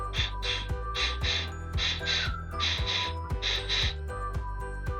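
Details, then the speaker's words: Double pulmonary valve lesion with pulmonary stenosis and pulmonary regurgitation: regular heart sounds with harsh, saw-like murmurs in both systole and diastole, a to-and-fro pulmonary murmur. "una doble lesión pulmonar donde del ventrículo derecho hay una estenosis pulmonar y se escucha y hay una insuficiencia pulmonar y se escucha"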